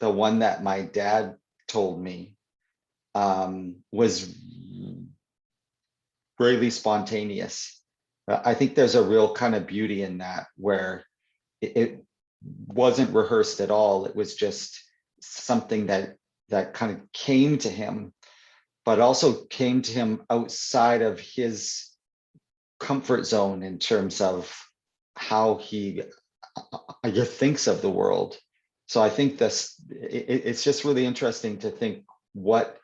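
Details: Adult man who stutters (stammers), in real conversation; stuttering.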